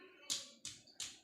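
Three evenly spaced sharp finger taps with short, flat, thudding notes and no hollow ring: a dull percussion note over the liver.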